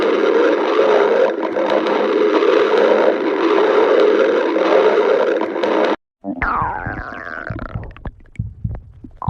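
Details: Steady rumbling, a brief pause, then gliding, squeaky gurgles falling in pitch: stomach growling (borborygmi).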